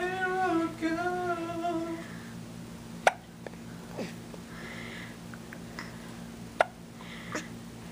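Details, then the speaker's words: 9-week-old baby boy, smiley and a little spitty just after a bath: adult humming, then sharp, brief clicking hiccups every few seconds over quiet room noise; infant hiccups. "Oh, he's having issues. Really? Oh. Hiccup."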